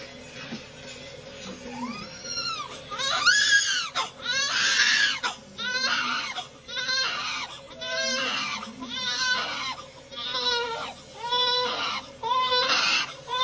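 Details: Newborn with vernix (fetal fat) on his face giving his first cry: strong, rhythmic crying in repeated bursts about one per second, a vigorous normal first cry after birth.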